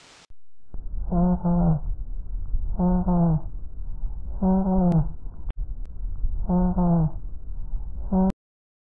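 Muffled, nasal, bleating voice sounds through the chest wall, typical of egophony over a pleural effusion.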